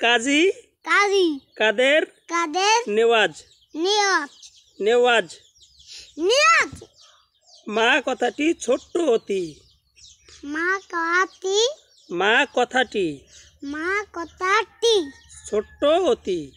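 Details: Young child stuttering while reciting a rhyme; stuttering.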